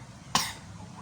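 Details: A single short, sharp cough from a child with a recurring allergic cough, over faint room noise, just before nebulizer treatment.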